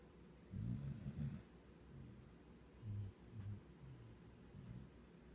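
Soft, low, rumbling snores repeating irregularly over a few seconds, with faint snuffling; dog snoring.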